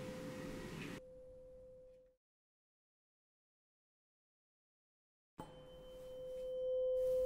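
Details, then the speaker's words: Tuning fork struck on the elbow or knee for the Rinne hearing test: pure, steady ringing tone that fades and returns. "to initiate the ring of the tuning fork strike it carefully on your elbow or knee use one sound to perform rene's test"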